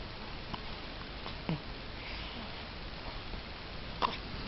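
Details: Three faint, sharp little catches a couple of seconds apart over quiet room noise: a baby's hiccups.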